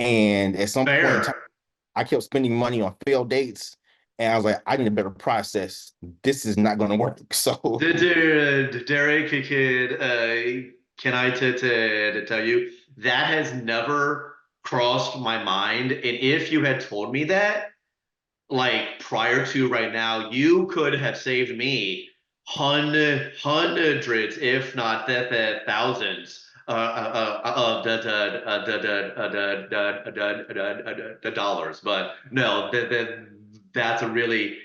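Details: Adult who stutters, speaking as a panelist on dating and stuttering; repetitions and blocks audible; stuttering.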